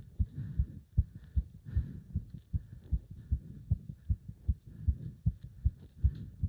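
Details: Heart sounds during leg wrench exercise, pulsation felt up to the subclavian artery: strong, quick, regular heart thumps; normal rapid forceful heartbeat from exertion.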